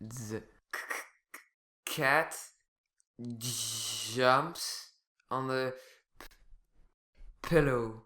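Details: Acted stuttering by an animated character, demonstrating sound repetitions, prolongations and complete blocks; stuttering.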